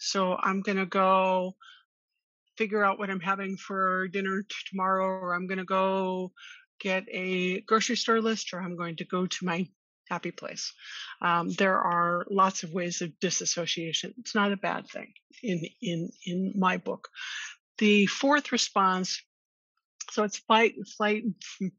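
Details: Adult woman who stutters and attended speech therapy growing up; stuttering.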